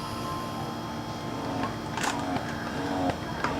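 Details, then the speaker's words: Steady motor hum with a rhythmic cycling whir, about 80 cycles a minute, from a Philips Avent single electric breast pump running in massage phase; it is being tested after unboxing. "that's the noise that it's gonna give so there it's gonna make that noise so that's the eye that's the massage part of the of the machine"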